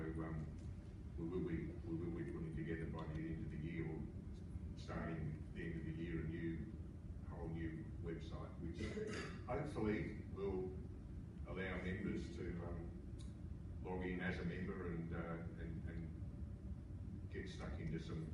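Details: Adult male speaker; typical speech.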